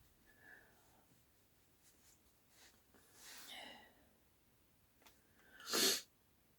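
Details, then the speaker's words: An adult who says they are still a bit sick gives a single sharp, loud sneeze after a brief breathy inhale, with faint room sounds. "I'm still a bit sick. as you can probably hear from my sneezing."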